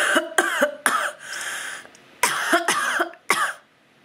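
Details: A person still getting over a cold, with sore throat and sore tonsils, gives seven short, harsh cough bursts in two clusters with a brief breathy pause between them.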